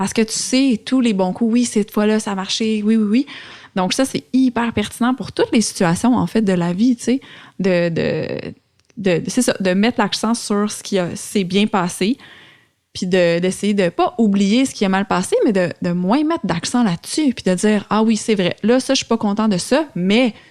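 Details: Adult woman speaking French; fluent speech.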